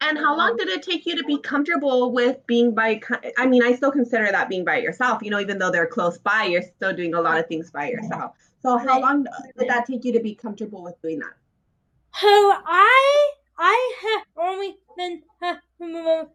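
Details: Adult woman speaking; normal speech.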